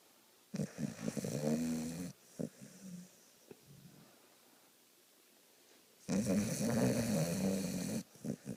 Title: My nieces dog snoring. She was zonked out while we were watching tv